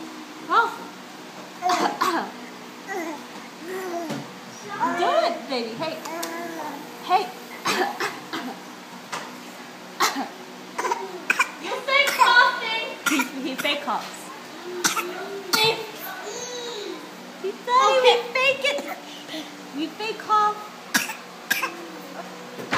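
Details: Young child doing a deliberate fake cough to get what he wants: several brief, voluntary coughs between playful vocal sounds in a small room.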